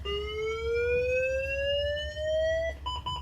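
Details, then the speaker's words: Defibrillator charged at 50 joules into a test load during a paramedic exam test, then disarmed: rising electronic tone followed by short repeated beeps. "I'll begin charging always a shock I'll now demonstrate how to disarm a charge so I press the send button"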